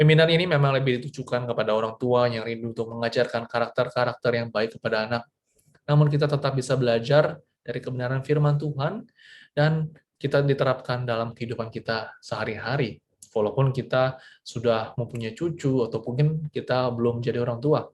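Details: Adult man speaking; Normal speech.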